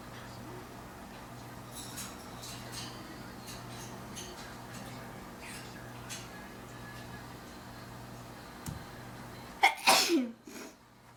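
Quiet room noise with rustling, then a sudden sharp sneeze followed by a short trailing breath.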